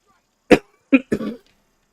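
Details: Three short, sharp cough bursts in quick succession in a quiet room, the last trailing off; a lingering cough.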